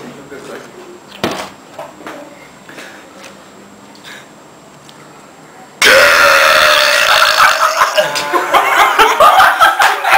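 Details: Loud, long, rumbling burp lasting several seconds in a quiet room, after drinking beer; burping.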